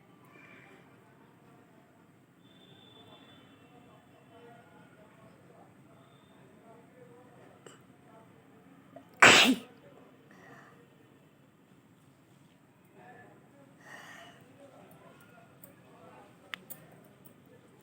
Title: sneezing challenge#nose blowing part 3#most requesting video#nose blowing challenge 🤧